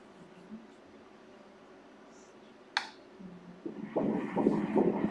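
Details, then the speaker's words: Fetal heartbeat on Doppler ultrasound at 13 weeks of pregnancy, about 163 beats per minute; after a quiet start, fast rhythmic whooshing beats. "жүрек соғу жиілігі... минутына 163 соққы ."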